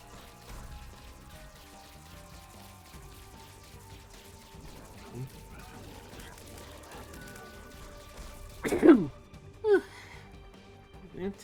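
Soft game music plays, then a sudden loud explosive voiced burst, a single sneeze, followed by two smaller breathy vocal sounds.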